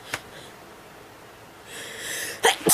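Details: Person having a sneezing attack: a brief early burst, a rising inhale, then two sharp explosive sneezes in quick succession.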